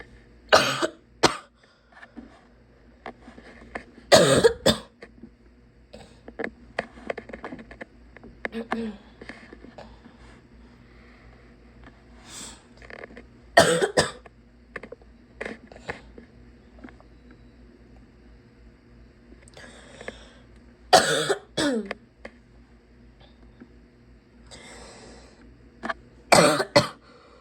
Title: sick barking coughs